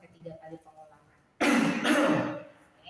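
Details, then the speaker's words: Post-COVID-19 rehabilitation demonstration: deep breath, chest expanded, held 1–2 seconds, then two strong, forceful coughs pushed with chest muscles in quick succession to clear the airway; effective cough technique. "Ini adalah batuk efektif. Batuk efektif ini hampir sama dengan huffing, namun saat kita membuangkan nafasnya kita seperti membatukkan."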